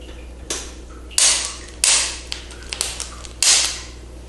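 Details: Several sharp, dry cracking pops over a few seconds during a chiropractic cervical manipulation of a seated woman, targeting a painful C4 vertebra on the right.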